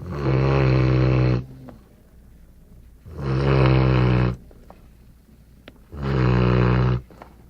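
Three loud, deep, rattling snores about every three seconds, roughly 20 breaths a minute, with quiet out-breaths between; ordinary dog snoring.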